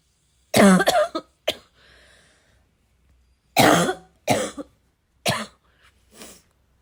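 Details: Repeated forceful coughs and throat clearing in two or three bursts with short pauses; an adult coughing fit.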